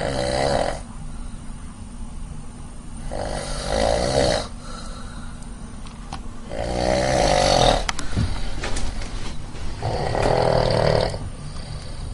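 Loud, rough, rattling snores on each in-breath, roughly every three to four seconds, with quieter breathing between: snoring.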